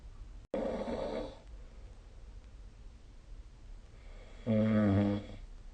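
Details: Two loud, rough, rumbling snoring breaths about four seconds apart with quiet room noise between, recorded during sleep with the SnoreLab phone app.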